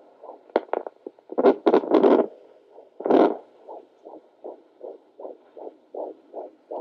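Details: Fetal heartbeat at 14 weeks 1 day of pregnancy on a rented home Doppler; after probe scraping noise, fast regular whooshing beats settle at about 160 a minute.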